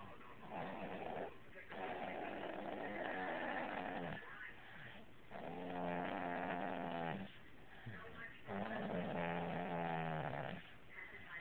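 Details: Dog sleeping on a couch, snoring with rhythmic, rumbling snores, each drawn out over one to two seconds and repeating steadily; ordinary snoring.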